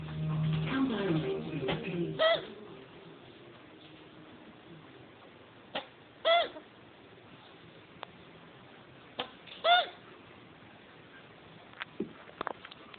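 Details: Male chinchilla with hiccups just after mating: three short, sharp squeaky hiccup bursts about every 3.5 seconds, with room noise and brief talk at the start.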